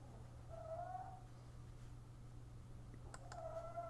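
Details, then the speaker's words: Sleeping dog snoring: two soft, whistling snore breaths about three seconds apart over a steady electrical hum. "can hear the dog snoring, but the Icon a little bit less aggressive."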